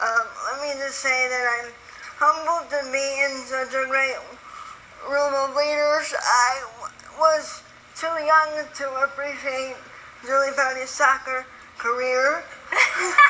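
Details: Young woman with spastic quadriplegic cerebral palsy since birth, born 3 months premature at 1 lb 14 oz, very tight muscles, wheelchair user; dysarthria (cerebral palsy).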